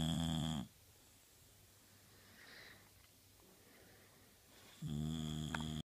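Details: Australian Bulldog snoring: loud, low, rattling snore on each breath with a quiet exhale between.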